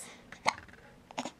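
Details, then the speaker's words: Two brief, sharp catches about a second apart from a smiling baby: infant hiccups, a common harmless finding. "why did we get the hiccups when we were gonna make a video huh we're so silly"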